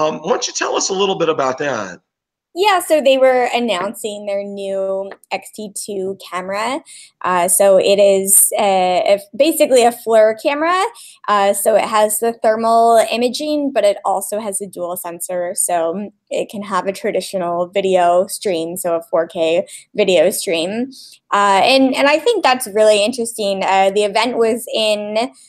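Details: Adult woman speaking, brief question from a man at the start; normal speech.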